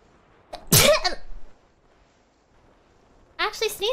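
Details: Live-streamer's single sharp, explosive sneeze with a brief inhaled lead-in, then quiet and a short voiced sound at the end.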